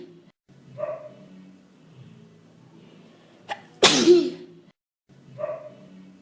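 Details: Single loud, explosive adult sneeze after a brief sharp intake, over faint background sound, from someone with hayfever and a cold; sneezing.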